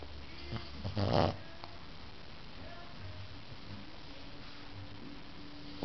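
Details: Several French bulldog puppies sleeping and snoring.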